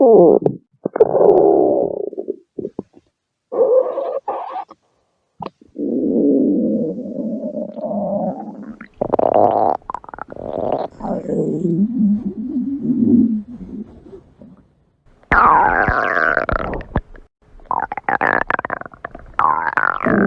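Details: Woman recording her own stomach growls (borborygmi): long gurgling, rumbling and squeaky growls with bubbling pitch shifts, separated by brief pauses.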